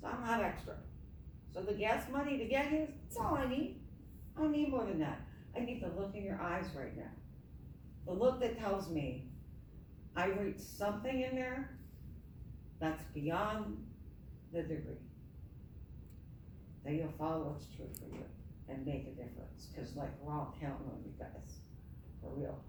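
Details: Adult woman with myasthenia gravis since age 7 (about 45 years), apparently without her custom palatal device; palate fails to close so air escapes through the nose during reading; hypernasal speech.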